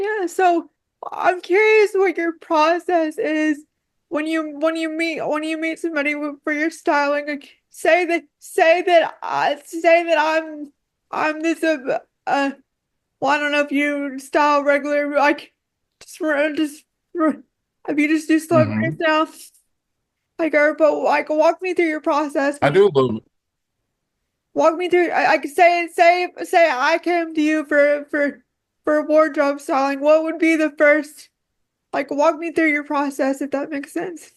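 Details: Dysarthria in a woman with quadriplegic cerebral palsy affecting her whole body, with frequent word and phrase repetitions.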